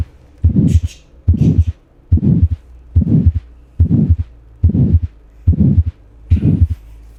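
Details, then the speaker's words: Pulmonary valve stenosis systolic murmur, best heard at the pulmonary area: regular heartbeat near 71 per minute with a soft, short, medium-pitched murmur; diamond-shaped when mild, comet-shaped when severe. "la configuración de una estenosis pulmonar leve es en forma de diamante y para la estenosis pulmonar grave es en forma de cometa y el ruido se escucha de la siguiente forma"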